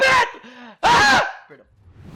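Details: Male streamer with Tourette syndrome producing a vocal tic (Tourette syndrome).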